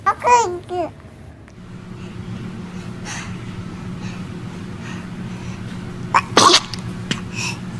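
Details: A baby sneezes amid laughter and "bless you", followed by another sneeze.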